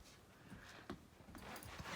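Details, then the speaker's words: Dog (Daisy), tired in the early morning, with a few abrupt, soft, sharp hiccups a fraction of a second apart in a quiet room. "Usually when you get the hiccups, they only last for about 6 hiccups."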